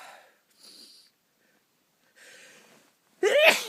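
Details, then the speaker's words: Sneeze by someone lying in bed in the dark early morning, unable to stop sneezing from nose tickle: soft breathy build-up, then one sharp, loud sneeze. "Oh, I can't stop sneezing. Oh my. Oh, it's tickling so bad."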